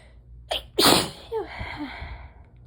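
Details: Adult lying down to nap after work gets a sneezing fit: a quick inhale, then one loud, explosive sneeze and a breathy trailing sound.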